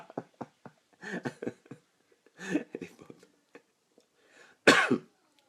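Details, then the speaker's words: Several short throaty bursts then one loud, harsh cough from an adult with a hoarse, broken voice during a live stream, in a small room. "Oui, je tousse, hein. Je vais tousser, j'ai la voix cassée."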